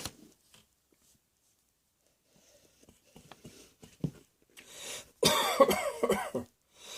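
After quiet breaths and throat noises, a run of several loud, harsh coughs close together in a small room.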